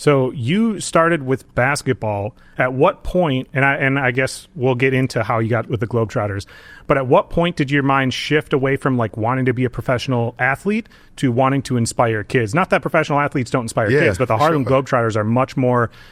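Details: Adult male speaker; normal speech.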